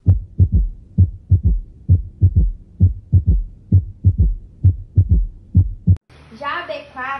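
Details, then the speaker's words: Regular three-beat gallop heartbeat at about 66 a minute, extra soft sound after the second sound, from rapid ventricular filling; third heart sound (S3), can be common in athletes. "Ela é bem relativa porque a B3 ela é comum em atletas que é o quê é quando o fluxo do sangue ele vai bater na parede do ventrículo é no enchimento rápido isso vai ter um um ruído como um"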